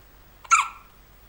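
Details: Three-day-old newborn with hiccups: a single short, sharp, squeaky catch of breath in a quiet room.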